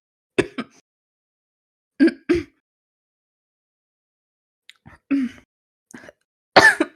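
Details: Young female smoker who repeatedly clears her throat and has strong, natural barking coughing fits: several short, harsh throat-clearing bursts with quiet gaps between them; throat clearing.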